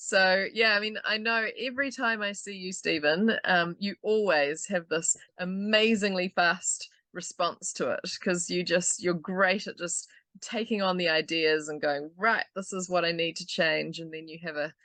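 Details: Adult speaker; normal speech.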